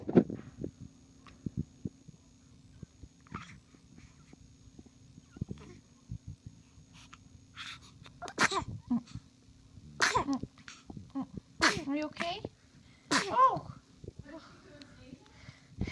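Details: Baby girl sneezing: several small, sharp, high-pitched bursts in a quiet room.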